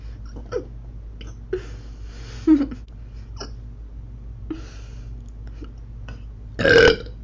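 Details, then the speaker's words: Girl eating: several short low burps over faint room hum, ending in one longer, louder belch; burping. "a little frog burp that was delicious"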